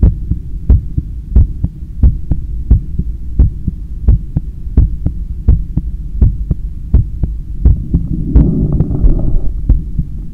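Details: Stethoscope recording of own heart after a 10km run, lying on a daybed leaning on the left side while controlling breathing: strong, regular lub-dub about 87/min with breath noise late; normal, forceful heartbeat after exercise.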